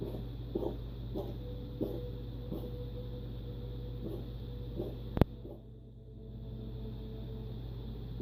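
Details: A female cat with frequent daily coughing for months, which a vet attributed to an allergy, possibly to food, gives a run of soft, rhythmic hacking coughs over a low household hum; cat cough.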